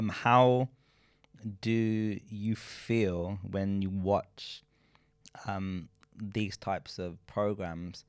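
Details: Adult man who states he is a person who stutters, speaking in a group discussion; stuttering.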